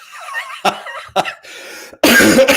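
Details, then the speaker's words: Adult host recovering from an illness during a live stream, feeling better: several short cough bursts and throat clearing ending in a loud harsh cough. "Even though, as you can still hear, I've been suffering a little bit, but I'm feeling a lot better thanks to copious amounts of tea."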